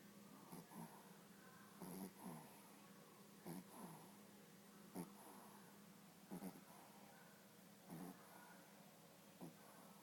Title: Mango sleeping and snoring